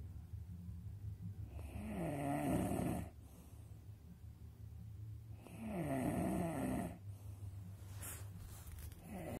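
Two long, rattling breaths about four seconds apart, harsh and buzzing with a fluttering low tone, over a steady low room hum: snoring.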